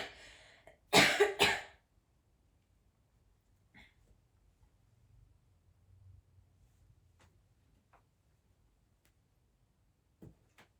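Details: Adult redheaded woman smoking a cigarette: two short, harsh natural coughs, then quiet with faint small sounds; smoker's cough.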